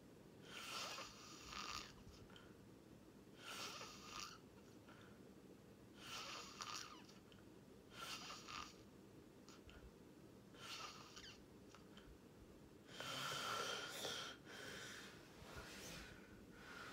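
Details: Sleep ASMR recording: quiet, hissing, faintly whistling breaths repeating every couple of seconds over steady room noise: light snoring.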